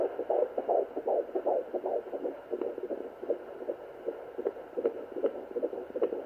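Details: Fetal heartbeat at 14+4 weeks of pregnancy on a Sonoline home fetal Doppler, used for the first time: fast, regular whooshing pulses about 150 a minute over steady hiss.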